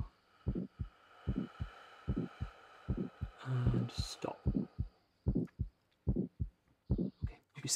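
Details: Simulated stethoscope sound over the neck during a cardiovascular examination, patient holding breath after full expiration: regular heartbeat near 74 a minute with a rough ejection systolic murmur radiating to the carotids, aortic stenosis.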